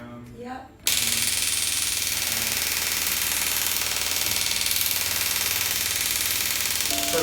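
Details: Rapid, steady clicking pulses, about four a second, over music: shockwave therapy device treating a woman's Achilles tendinitis with partial tendon tears and bony changes at the insertion, second session after a CrossFit competition.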